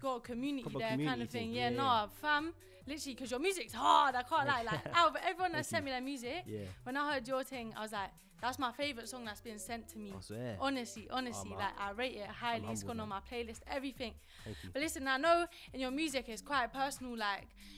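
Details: Adult woman speaking; typical speech.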